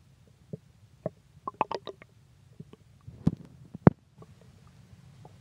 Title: Stomach Growling